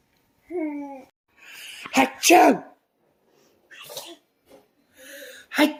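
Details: One-year-old boy on his first birthday doing a playful fake sneeze dance: a brief vocal sound, an intake of breath, then a sharp sneeze-like burst, with another later.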